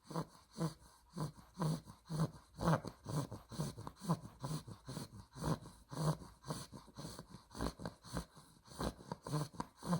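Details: Snoring in a sleeping 2-month-old female Olde English Bulldog puppy (blue merle tri): rhythmic snorting snores with each breath, about 20 to 30 breaths a minute, in a quiet room.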